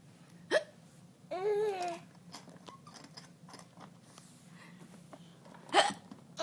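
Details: Infant: two abrupt hiccup sounds with a brief voiced babble between them; hiccups.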